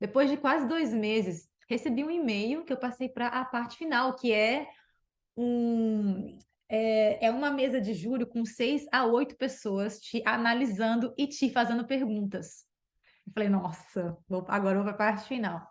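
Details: Adult woman who stutters; stuttering.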